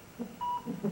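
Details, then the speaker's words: Simulated fetal heart monitor in an acted TV drama scene: a single steady electronic beep as staff say the fetal heart rate is dropping, 180 again, then 140, normal. "the fetal monitor is dropping we've got 180 again"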